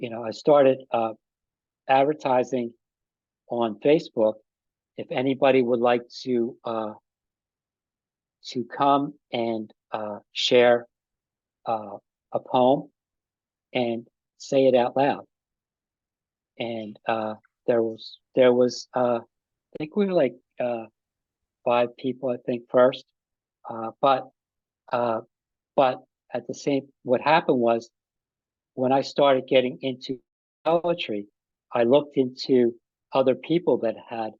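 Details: Mild aphasia with word-finding difficulty in an adult man about five and a half years after an ischemic stroke that occurred together with a heart attack; ongoing trouble with names and word tenses.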